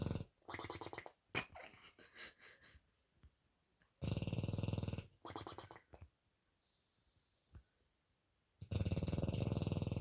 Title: Bulldog Bear Snoring